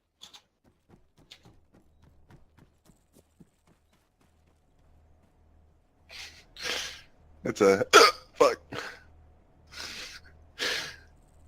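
Faint clicks, then a run of sharp coughs, each cut off by a sudden catch in the throat, consistent with hiccups set off by coughing.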